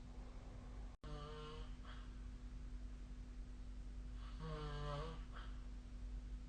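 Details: Snoring during sleep recorded with the SnoreLab app: two low, buzzing, tonal snores on in-breaths about three seconds apart over a steady background hum.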